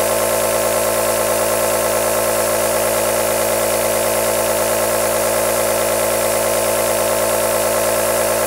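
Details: Continuous running sound of an aerosol nebulizer, presented as a long white-noise track to calm or soothe a baby to sleep.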